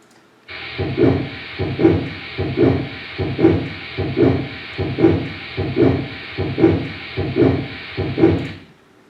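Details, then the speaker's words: Late aortic stenosis murmur, a narrowed, hardened valve described as very serious: regular heartbeat at about 75 a minute with a harsh, rushing murmur filling much of each beat. "so this is early they ordered stenosis this is what lace stenosis will sound like and this is a very serious condition"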